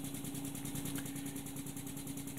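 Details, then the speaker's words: High-frequency oscillatory ventilator running in a pediatric teaching demonstration while the mean airway pressure knob is turned up and down: steady rapid buzzing pulses over a constant low hum. "so I'm increasing mean airway pressure and I'm decreasing mean airway pressure"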